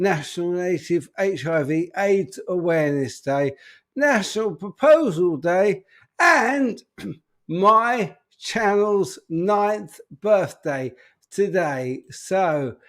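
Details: Adult man with an upper motor neuron disorder affecting speech, getting more evident; speech currently not great; dysarthria from upper motor neuron disorder.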